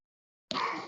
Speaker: dog is here can you hear um he's coughing sorry